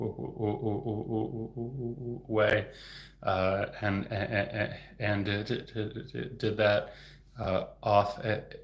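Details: Real stuttering in an adult male speech-language pathologist who stutters, heard stuttering openly.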